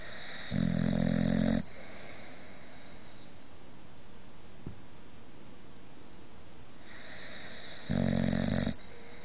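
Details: Two loud, rough, rattling snores about seven seconds apart with quiet room noise between, from Halo, a boxer dog asleep on the bed; very loud snoring.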